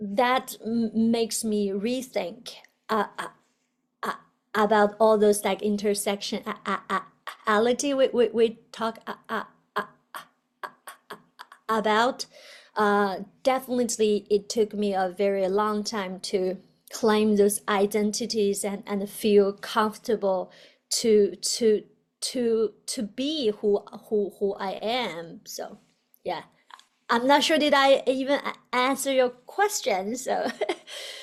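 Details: Adult woman, a doctoral student in communication sciences and disorders, who stutters; stuttering.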